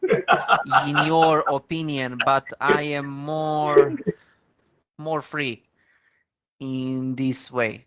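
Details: Man with a stammer who once spoke very slowly to control it; stuttering in conversational speech.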